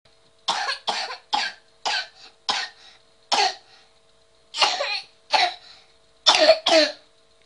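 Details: Child gives about ten short, harsh, bark-like coughs in quick bursts, croup-like; barking cough, shared to help parents tell serious coughs from less serious ones.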